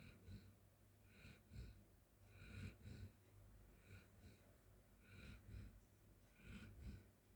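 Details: Golden Retriever sleeping on floor snoring: soft, irregular snuffling snores and snorts, about 45 a minute, over steady low room hum.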